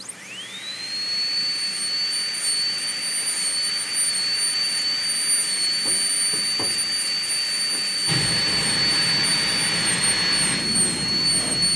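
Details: High-speed dental handpiece with a 330 bur preparing an MOD ceramic onlay on tooth #18 on a typodont: steady high-pitched whine running continuously, with louder water-spray hiss partway through.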